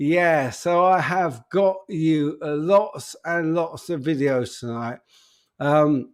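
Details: Adult man with an upper motor neuron disorder affecting speech, getting more evident; speech currently not great, awaiting news; spastic dysarthria.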